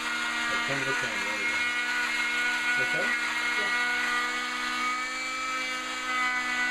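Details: Steady high-pitched motor whine of an oscillating saw cutting through a cast, removed after 30 days, with brief voices in the background; cast removal.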